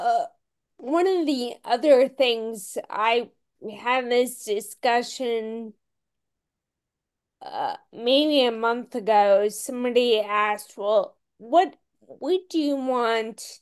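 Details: Ataxic dysarthria in a woman with Friedreich's ataxia, a rare, genetic, progressive disease diagnosed at age 16; she reports longstanding voice issues.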